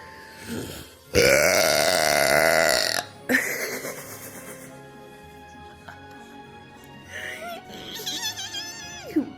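One loud, long, voiced belch followed by a shorter one, with filter effects and background music.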